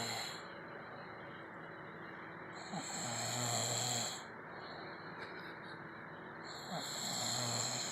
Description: Girlfriend caught me snoring.